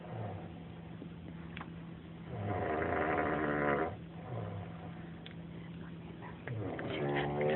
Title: Snoring in library